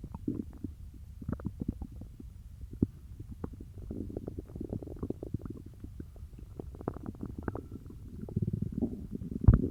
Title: Stomach growling from peanut butter